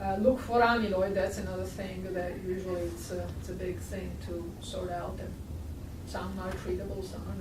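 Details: Adult speaker; normal speech.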